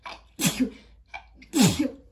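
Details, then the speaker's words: Adult woman sneezing while wrapping presents, nose irritated by the scent of the tape: two sneezes in quick succession, each a short indrawn breath then a sharp explosive burst. "I'm wrapping and the tape that I'm using it's got like a really specific scent um I'm not sure if you find this when you do your [Music] w anyway it's got a really specific scent um and it irritates my nose as you can tell"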